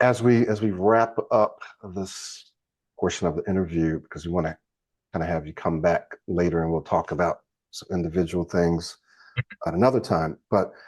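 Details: Adult male speaker; normal fluent speech.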